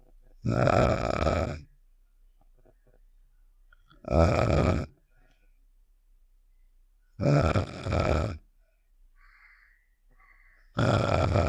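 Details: Game sound effect of the character Star snoring (Save The Shapes), simulated: long, loud, rattling snore-like sounds about every three to four seconds with silence between.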